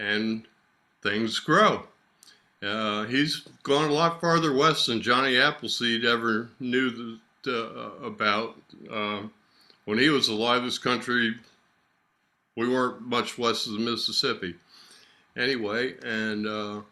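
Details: Adult man speaking; Normal speech.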